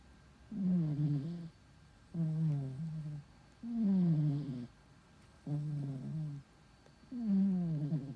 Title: kitty snore zzz zzz